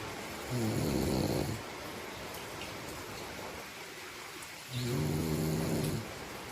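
Two loud, buzzing snores about four seconds apart against steady room hiss; ordinary snoring during sleep.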